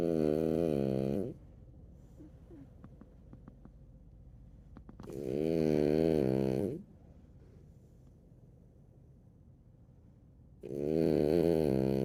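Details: Loud, rumbling snores on each breath, about 12 a minute, with quiet pauses, while lying on his sister in a small room; snoring.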